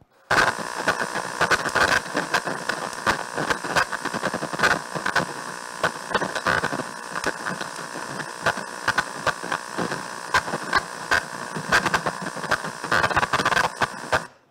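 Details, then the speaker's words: EMG audio of myokymic discharges: bursts of crackling pops recurring over steady static, as grouped motor units fire together with no pattern, like soldiers marching. "group discharges. These are called myocarmic discharges, okay? Group motor units firing together, no pattern."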